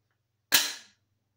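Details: A single loud, sharp snap as a Dexcom G7 continuous glucose monitor applicator fires. A newly diagnosed type 2 diabetic self-inserts the sensor into her arm and feels only pressure, no pinprick. Glucose sensor applicator click.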